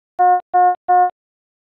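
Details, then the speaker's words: Philips Efficia DFM100 defibrillator/monitor medium-priority alarm for a non-life-threatening condition such as heart rate outside limits, needing prompt response: three evenly spaced mid-pitched electronic tones. "a medium priority indicates a non life-threatening condition such as when the heart rate measurement violates the high or low limits and requires a prompt response the alarm message displays with the yellow background and sounds like this or this"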